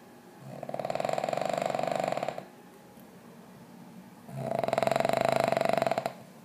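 Two loud, fluttering snores, each about two seconds long, about four seconds apart, from a sleeping dog.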